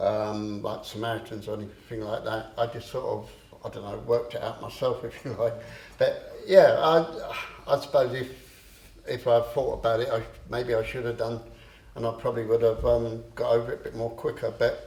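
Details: Adult man with a long-standing stammer who used to swap words and later controlled it with a breathing technique; stuttering.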